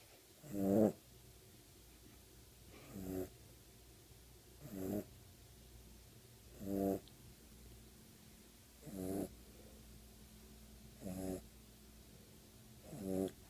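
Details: Sleeping dog: seven rattling snores at about 30 breaths a minute with quiet gaps between them; snoring.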